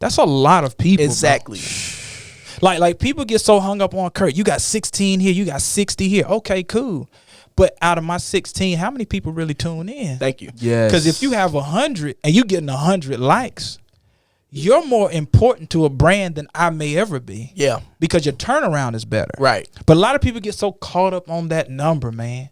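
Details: Adult male speaker; normal voice.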